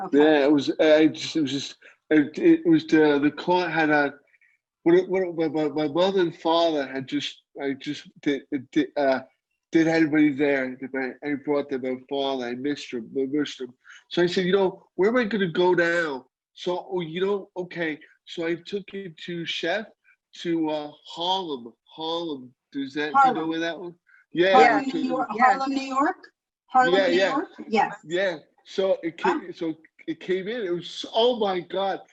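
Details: Man about 15 years after a stroke, with ongoing post-stroke aphasia and inability to write; aphasia.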